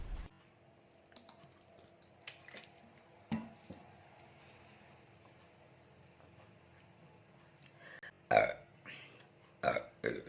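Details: Several loud burps near the end after a quiet stretch, during a Coca-Cola burping challenge, with faint room noise and music; real belching.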